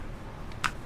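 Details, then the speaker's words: 9-year-old Rottweiler with a lifelong damaged back leg, during her seventh chiropractic treatment: crackling from the damaged left hip as it is moved and stretched, a faint click then a sharper crack, joint crepitus. "Now to remind everybody, this is the damaged joint here. And ooh, it crackles when I do that."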